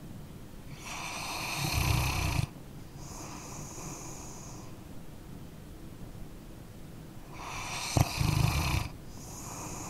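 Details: Sleeping dog snoring, recorded as an ambient sleep-sound track: two rough snoring breaths, each a rattling inhale followed by a hissy exhale.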